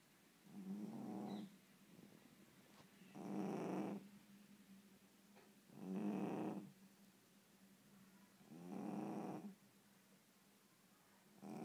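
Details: Soft, even snores at about 22 breaths a minute with quiet pauses between them, from a sleeping female cat; ordinary cat snoring.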